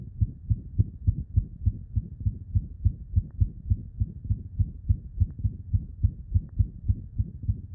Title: Heart murmur in a feline patient with normal heart (screened by echocardiography)